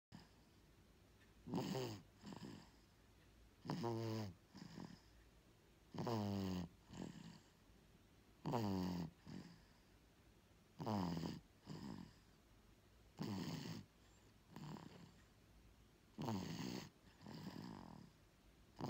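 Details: A little girl asleep and snoring very loudly: regular rasping snores, each inhalation followed by a softer exhalation, about 8 breaths a minute.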